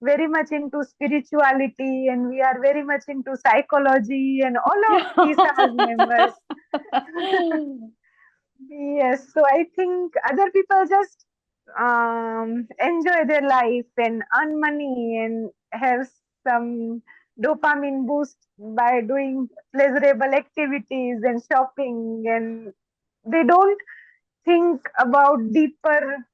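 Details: Stuttering (stammering) in an adult woman who says she stammers more when she gets excited.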